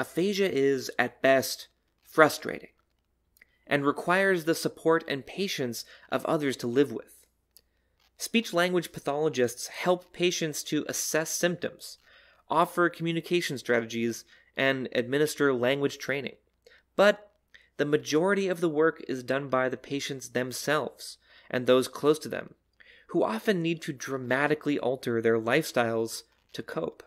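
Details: Adult narrator; no disorder.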